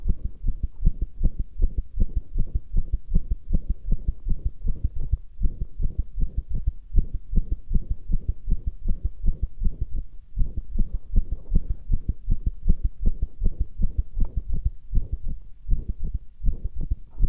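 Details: Steady low thumping heartbeat at about 79 beats a minute with a faint hum underneath; heartbeat recording.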